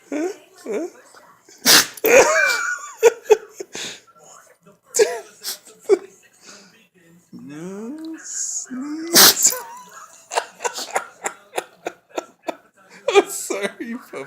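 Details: Dog Greta made to sneeze by a sneeze trigger: several short, sharp nasal bursts with a person talking in the background; repeated dog sneezing.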